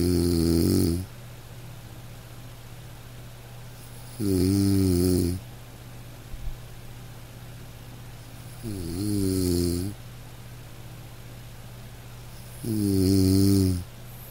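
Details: Man snoring in deep sleep: loud, buzzing snores on each in-breath, about 14 a minute, separated by quiet pauses over a steady room hum; snoring.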